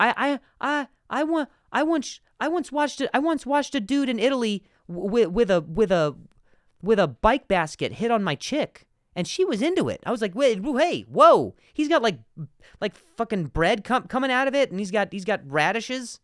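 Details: Adult man who stutters, spontaneous podcast speech: stuttering.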